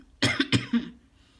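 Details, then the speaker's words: Adult with lingering effects of a cold and congestion gives about four short, harsh cough bursts in a small quiet room; cough. "I am dealing with the aftermath or the lingering effects of a cold so if I sound like congested and if you hear me coughing that's why so I apologize in advance"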